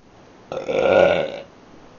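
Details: Person who had hiccups during the recording: a single loud, drawn-out belch lasting about one second in a quiet room; an ordinary burp.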